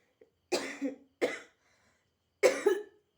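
Three short, forceful cough bursts in a quiet room, with gaps between them; plain coughing.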